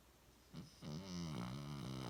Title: Cuddling and snoring with eyes open 😧